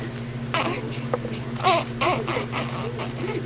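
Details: Short bursts of infant crying and fussing from a baby over a steady room hum, with some voice in the background.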